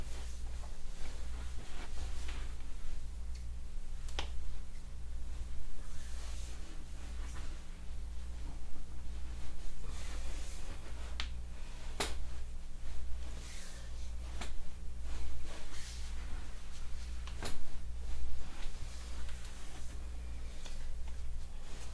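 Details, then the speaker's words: Handful of sharp isolated clicks over quiet room hum as pressure is applied down the spine from cervical to lumbar, in a man with back and shoulder pain after lifting boxes: joint cracking (spinal cavitation). "You might hear a little bit of cracking here and there, but otherwise should be very painless."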